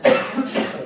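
A single short adult cough with a sharp start and a rough voiced tail, close to throat clearing.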